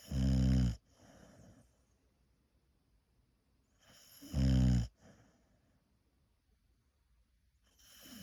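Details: Snoring from a female boxer dog.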